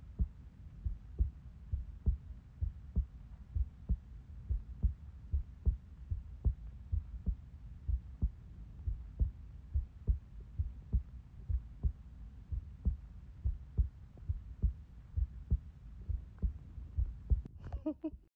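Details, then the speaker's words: Normal heartbeat picked up through a phone on the chest: steady, regular low thumps at about 78 beats a minute. "I'm not moving, not myself. That's my heartbeat rocking my whole body, bro."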